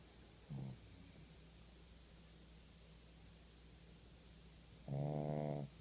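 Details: Two rattling, vibrating snores from a sleeping, very tired pug, one brief and one longer, over steady room hum: snoring.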